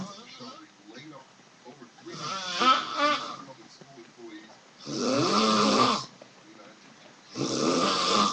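Loud, harsh snores on each breath, with softer, quieter breathing between them.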